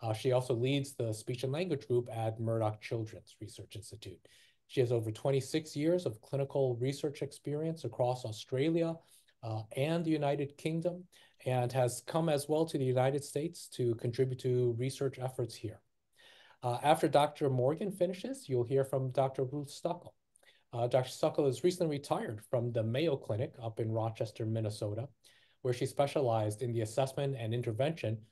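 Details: Adult male speaker; Typical adult speech.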